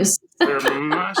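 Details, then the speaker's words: Short, harsh throat-clearing burst and drawn-out voiced clearing from an adult recovering from a recent viral illness (not COVID or flu), still clearing and coughing. "I'm still clearing as you can hear I'm still coughing as you can hear but I am much much better folks"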